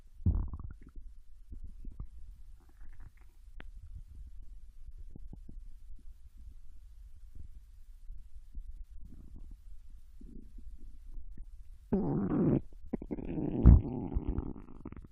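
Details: Japanese woman's intestines digesting ramen and potato chips: low gurgles and rumbles from the belly with a few louder bursts; ordinary bowel sounds (borborygmi) during digestion.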